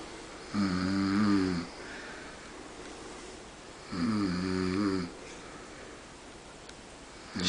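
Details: Man sleeping at night, snoring: two loud, buzzing snores on the in-breath, about 17 a minute, with quiet out-breaths between; ordinary snoring.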